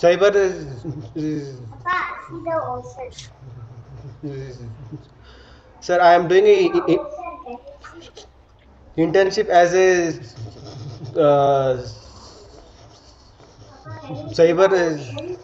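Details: Member of a stammering self-help group; real speech showing stuttering with repetitions and fillers.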